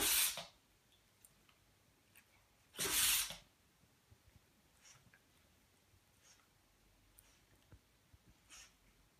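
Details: Louie wakes from dreaming into a big sneezing attack, nearly falling off the sofa: two forceful, hissing sneezes a few seconds apart, then quiet snuffling breaths; he's okay.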